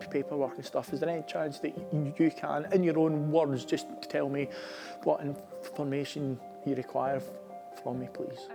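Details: Adult male army commissioned officer who stammers; stammering.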